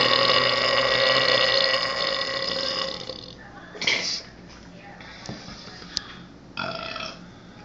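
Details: A long, loud, rumbling belch lasting about three seconds, then fainter noises; a burp.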